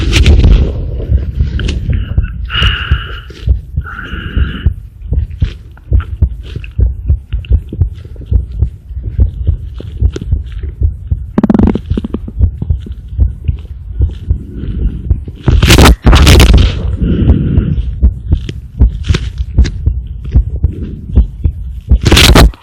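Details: Child's normal heart sounds through a homemade mobile-phone stethoscope (stethoscope head joined to phone earphones): rapid low thumping heartbeat with heavy rubbing and handling noise.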